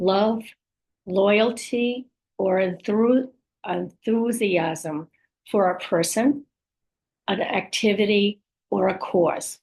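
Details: Adult woman with aphasia, apraxia of speech and dysarthria after a stroke, speech sometimes hard to understand; aphasia with apraxia of speech and dysarthria.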